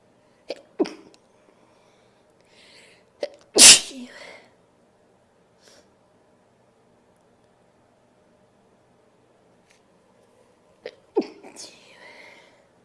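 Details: A single forceful sneeze from a female, with a few soft sniffs and breath sounds before and after in a quiet room, during a nose blowing and sneezing recording.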